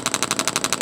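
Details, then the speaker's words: Radial shockwave therapy on an adult man's deltoid for shoulder pain, comfort mode off, intensity raised to about 3–6 discomfort; rapid even rattling pulses about twelve per second. "Radial pulse, turning comfort mode off because it takes a little bit to boot up on comfort mode."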